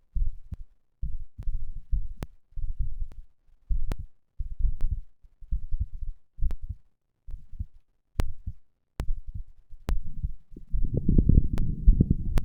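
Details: Third recording of heart sounds after exercise: strong, steady heartbeat around 70 a minute with rubbing noise near the end; normal heart sounds after exercise.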